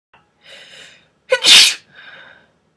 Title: breathy sneeze